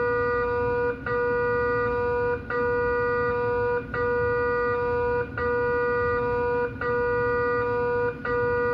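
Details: GE MRI scanner running a liver quality-assurance scan during engineer calibration testing: loud steady electronic tone broken by brief regular gaps about every 1.4 seconds, scanner acoustic noise.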